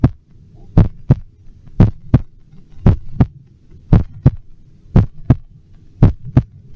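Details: Steady, normal-rhythm paired lub-dub heart sounds at about 57 beats per minute, amplified with an electronic stethoscope; normal heart sounds.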